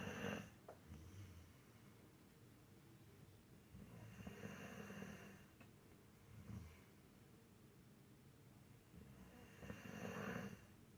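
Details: Female pit bull terrier asleep in a quiet room, snoring: slow, low, rumbling snores with snorting breaths about every five to six seconds.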